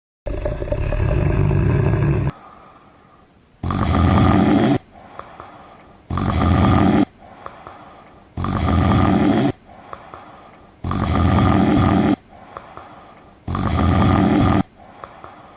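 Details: Slow, regular rasping snores, about 24 per minute, with quiet gaps between; a cartoon snoring sound effect from a green-screen animation, not real.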